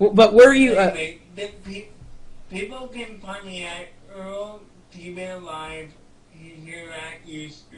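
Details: Speech of an adult man with cerebral palsy; no specific speech disorder is named.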